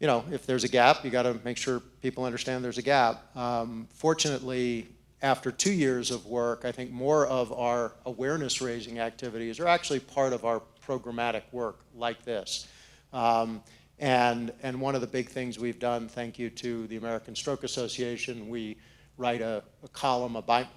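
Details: Adult man speaking; normal speech.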